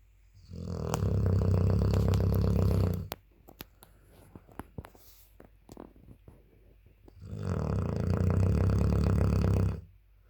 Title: 8 month old dogue de Bordeaux puppy snoring loudly 😴😴😴🙄